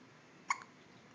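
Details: A single short, sharp, gulping hiccup click against a quiet background; hiccup.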